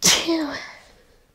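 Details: Sneeze from the end of a sneezing fit at night: a single sharp, explosive sneeze with a brief voiced tail, fading quickly in a small room.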